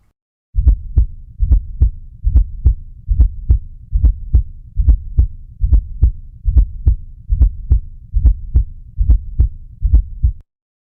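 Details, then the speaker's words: Regular heartbeat at about 71 a minute with a soft low extra sound just before each first sound (la-lub-dub), from a stiff non-compliant ventricle and forceful atrial filling: S4 gallop. "the atria is trying to force blood in and this is causing a turbulent flow and what it sounds like is la lub dub so let's have a listen and see if you can distinguish that fourth heart sound just before the first"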